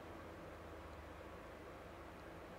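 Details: Continuous low roaring hiss of the suction unit running during endoscopic microsuction of sticky, dry ear wax from the ear canal, with the wax being peeled free.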